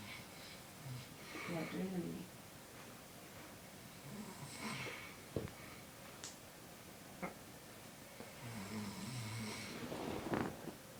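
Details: Person snoring: low rattling snores on inhalation with quiet gaps, a few sharp clicks and room noise between them.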